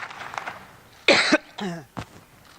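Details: A woman speaking at a party conference: a sharp, harsh cough mid-speech, a brief voiced sound, then a smaller second burst; uploader suspects indoor air pollution.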